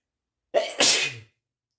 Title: achoo sneezes (m)